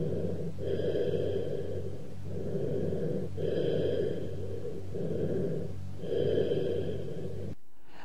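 Low-pitched, hollow, echoing breath sounds over the chest: cavernous breathing over a large lung cavity.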